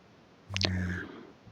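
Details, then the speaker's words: A single brief, low, buzzing snore lasting about half a second, with a couple of soft clicks at its start, from a man sleeping at home. "फिर मैं गई तो देखा कि भैया खर्राटा सुनिए आप इनका।"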